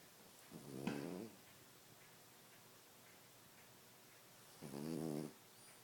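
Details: Two soft, fluttering snores several seconds apart in a quiet room; ordinary snoring.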